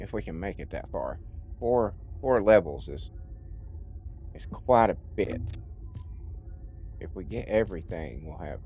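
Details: Stuttering in an adult man with a childhood-onset speech impediment, treated with speech classes in kindergarten and first grade; he says it is milder than in childhood but audible when he talks a lot.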